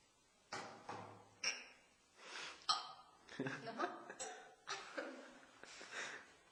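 Rapid series of about seven abrupt, voiced hiccups, roughly one a second, each a sudden sharp catch of breath.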